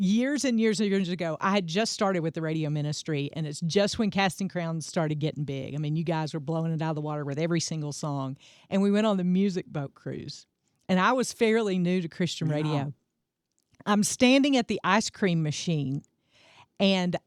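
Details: Adult woman speaking; normal speech.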